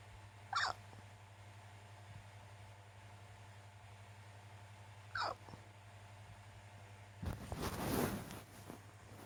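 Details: Hiccups in a tired, sleepy person: two short, sharp hiccups about five seconds apart over a steady low hum, then rustling from movement.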